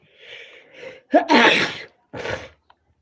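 A short intake of breath, then a loud explosive sneeze and a second smaller burst; allergic sneezing.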